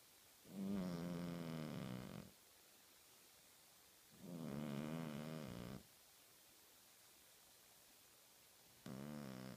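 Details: Sleeping cat snoring and twitching, with long, buzzing, low-pitched breaths about 14 a minute and quiet pauses between; snoring.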